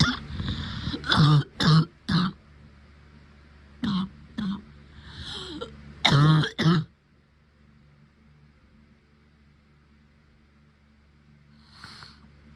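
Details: Short clusters of dry, throat-clearing coughs, then quiet, from an adult woman with her first COVID-19 infection, plus chest tightness and uncontrollable sneezing; COVID-19 cough.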